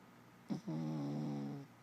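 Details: Jack Russell terrier dog snoring: a single drawn-out, low buzzing breath with a steady rattling tone, about a second long.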